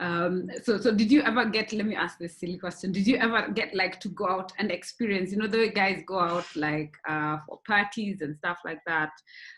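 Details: Adult speaker; normal speech.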